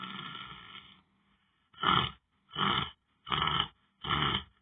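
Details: Person lying on the floor asleep: a long harsh breath followed by four short, regular, loud snorting snores, separated by brief silences; snoring.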